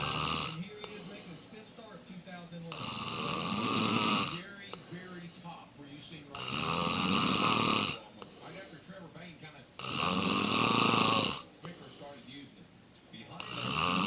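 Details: Adult man snoring: harsh, rattling snores in regular bursts about 17 times a minute, with softer breathing between.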